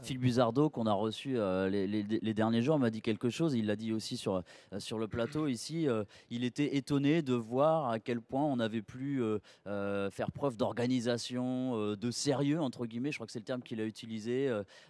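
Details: Adult male speaker; normal voice.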